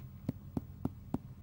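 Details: Four short, evenly spaced percussion taps over the abdomen with a flat, low thud and little ringing, a dull note, in contrast to the expected resonant note, during abdominal examination.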